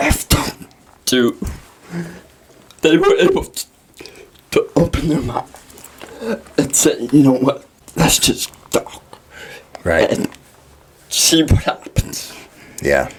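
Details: Dysarthria in a 23-year-old man with cerebral palsy, speaking in a podcast interview; he says he is working on physically being able to deliver his message.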